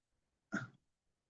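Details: Adult lecturer gives a single short, rough throat-clearing burst while teaching a class, with quiet room background before and after; throat clearing.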